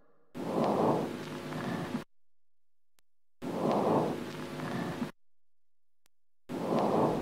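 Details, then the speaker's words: Normal vesicular breath sound (teaching example): very low-pitched, muffled breathing, last two-thirds of exhalation absent, no silent pause between inspiration and exhalation, no added sounds. "In fact, there are no extra sounds in this cycle, and the underlying breath sound is very low-pitched, muffled, and has the last 2/3 of exhalation absent, and no silent pause between inspiration and exhalation."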